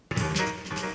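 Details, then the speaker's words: Normal-hearing reference for comparison with a tinny, hollow cochlear implant simulation: full, rich jazz-like music with deep bass and clear highs, as a normal-hearing listener hears it. "Or should it rather sound like this,"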